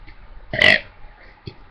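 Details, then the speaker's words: Deliberate burp shaped as the spoken letter "A" while burping the alphabet: one short, loud, voiced belch of swallowed air; burping. "I wanted to burp something, cause my talent is, it's not my talent, but you know, it's just something I can do, and yeah, so it's really weird."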